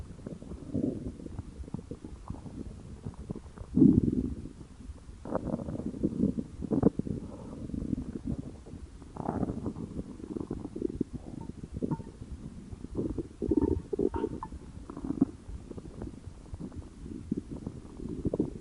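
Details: Stomach growling from hunger: a long stretch of low gurgles and rumbling bursts from the belly.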